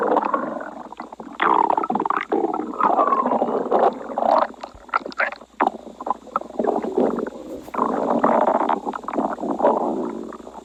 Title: Moreover has stomach growl